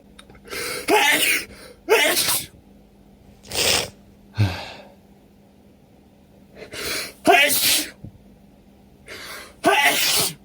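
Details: Person with a cold, sneezing and sniffling all day; nose irritated after a shower and putting on a thick sweater. Repeated loud sneezes, each preceded by a sharp inhaled gasp, in close succession; sneezing fit.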